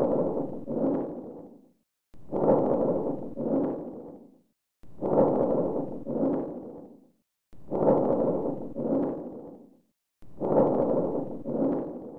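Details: Teaching-cassette recording of breath sounds over the chest: loud, rough breathing at about 22 breaths a minute: harsh vesicular breath sounds.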